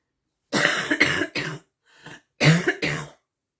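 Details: Woman who is unwell and wants to get healthy: two bouts of harsh coughing, about five coughs in all, with throat clearing between them.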